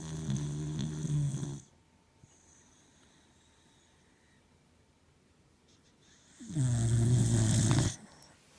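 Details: Dog lying on her back asleep, snoring: two loud, rattling snores separated by a quiet pause.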